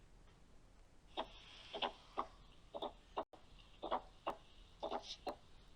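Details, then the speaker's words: Fourth heart sound (S4) heard at the apex, about 60 beats a minute: extra soft sound just before S1, far from S2; paediatric cardiology teaching example. "هنسمع كده الاس 4 مع بعض، نركز كويس جدا في صوت بيظهر قبل الاس 1. تمام، يعني هنسمعه قبل الاس 1."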